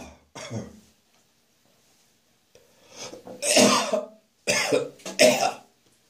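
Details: Adult coughing on a rough summer morning after a night of drinking beer: harsh throat-clearing coughs with retching, gagging sounds between them. Cough with gagging.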